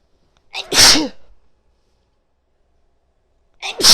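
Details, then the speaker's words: Female sneezing desperately, two loud sharp sneezes each preceded by a quick indrawn breath, separated by silence, within a long run of repeated sneezes; she says she has to sneeze again. "Oh, I gotta sneeze again. Wow. Oh my god, I can't tell you how good this feels."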